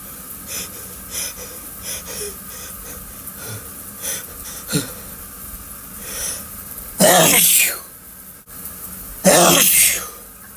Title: Intense Loud Shower Sneezing M